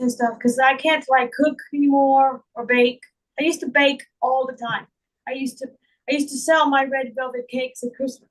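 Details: Woman with real foreign accent syndrome, speaking in her own voice; she also reports trouble remembering words, reading and saying big words.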